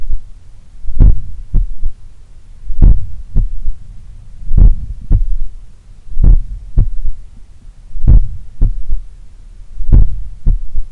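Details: Slow, powerful heartbeat about 33 per minute recorded at the apex in the morning while lying on the left side; soft low extra thud after the second sound, third heart sound (S3), attributed to blood recoil or a slightly larger, supple left ventricle.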